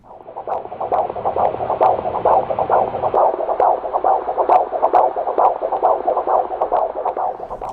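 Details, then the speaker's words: Simulated rhythmic whooshing pulses, about 136 a minute, imitating the loud pulsatile tinnitus in the right ear of a woman with idiopathic intracranial hypertension, unlike ordinary ringing. "now that noise that you just heard was really loud and in my right ear and it's a lot different than the normal ringing that you may hear in your ears"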